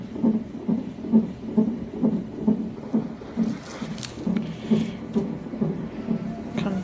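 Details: Fetal heartbeat on a Doppler monitor during hospital admission for an ECV to turn a breech baby: rapid, regular whooshing pulses at about 133 a minute, a normal fetal heart rate, louder than earlier.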